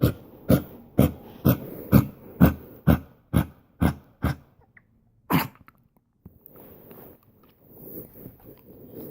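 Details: Dog named Pedro, first video from his 12 hours with a carer: a rapid run of about eleven harsh, honking coughs, then quiet rustling.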